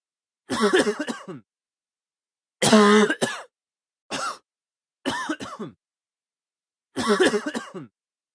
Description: Cough sound - man coughing